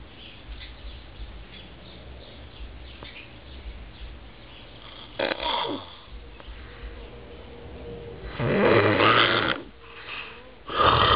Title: Da Snoring Bear